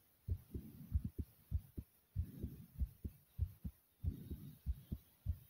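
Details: Heartbeat after over 50 jumping jacks; loud, forceful lub-dub beats, fast at roughly 100 per minute, with heavy breathing noise between beats; strong heartbeat after exercise.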